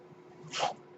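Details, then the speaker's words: The speaker's own mechanical ventilator during podcast speech: a brief, soft puff of hissing air rising and fading over a quiet room background, a ventilator delivering a breath. "hello everyone my name is that noise hearing is by ventilator and welcome to page turners they were not my Star Wars finders"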